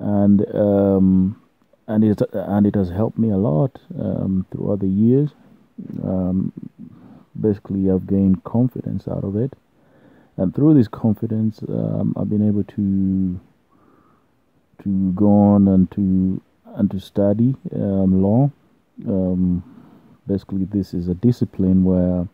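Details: Adult man who has stammered since birth and has learned techniques to control it and gain some fluency: stuttering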